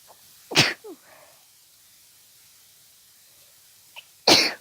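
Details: Intense sneezing fit attributed to seasonal allergies, after sneezing all day: two explosive sneezes, each with a sharp inhaled lead-in, separated by a quiet pause.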